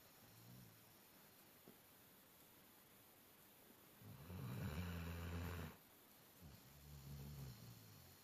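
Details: Worn-out dog lying on a bed snoring like an old man: deep, rumbling breaths, one loud and long, between quieter ones.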